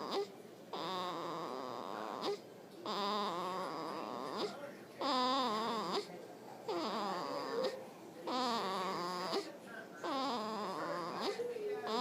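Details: 4-day-old newborn: about seven short, wavering, high-pitched cries in quick succession; infant crying.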